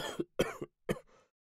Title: Coronavirus check – Cough